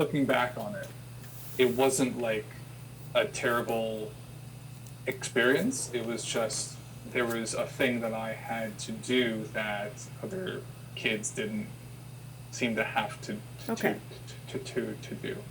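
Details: Adult who has stuttered since childhood and had speech therapy sessions as a child; repetitions heard; stuttering.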